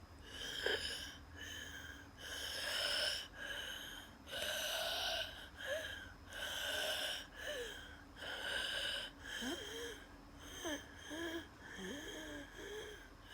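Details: Noisy, labored breathing with whistling musical tones on each breath during a night-time asthma attack with dizziness and chest pain; wheeze.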